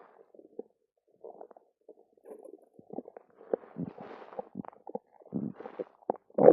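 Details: Stomach after drinking two cartons of yogurt: irregular gurgling, squelching rumbles and pops from an active stomach; borborygmi.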